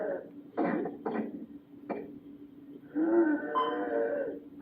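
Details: Laerdal MegaCode Kelly Advanced simulator manikin voice, simulated: quick, effortful gasping breaths and a strained voiced moan imitating shortness of breath.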